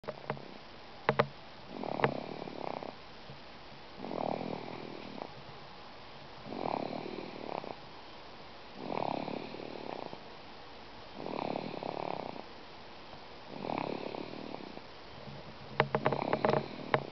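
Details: Ordinary snoring: steady rhythmic rattling snores, about 25 breaths a minute, with quiet pauses between.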